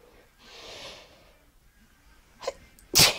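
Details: Person near the end of a sneezing fit at night: a soft hiss, then a short sharp burst of air, a sneeze, with quiet room noise.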